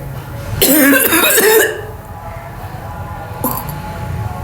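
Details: Woman doing a cough challenge, deliberately imitating a cough: a short burst of loud, harsh coughing, then quieter room sound and a brief second sound.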